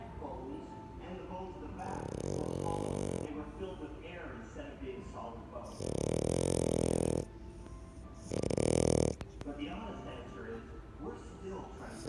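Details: Loud, rattling snores recurring every few seconds over background talk and music, from a sleeping French Bulldog; snoring.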